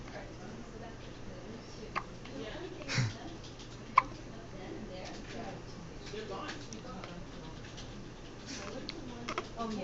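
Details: Baby with hiccups.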